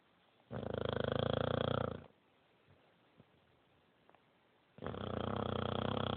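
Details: Sleeping female dog with two long, loud, rattling pig-like snores separated by a quiet pause; dog snoring.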